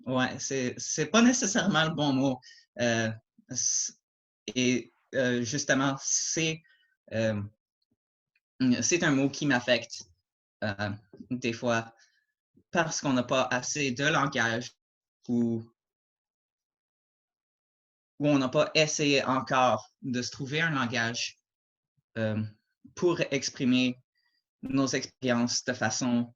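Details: Adult male who stutters, mild to moderate depending on circumstances and day, with repetitions and blocks; French speech; stuttering.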